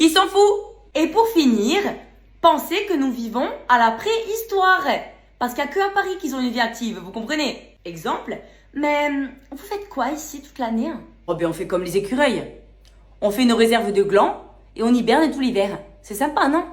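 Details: Adult woman speaking French; ordinary speech.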